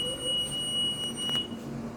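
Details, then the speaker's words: Oxygen concentrator switched on with its on/off button during a test before use: steady high-pitched electronic start-up beep over machine hum, before the light turns green. The unit is stated not to be medical-standard oxygen. "kontaknya dicolokin ke t-shirt Hai kemudian tekan tombol on offnya"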